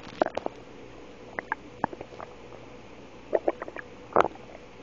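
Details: Wife's stomach noise: short gurgling pops and squelches in irregular clusters, stomach rumbling (borborygmi) from gas and fluid moving through the gut.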